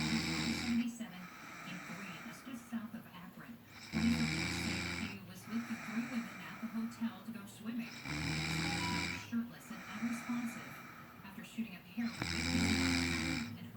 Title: Listen to her snore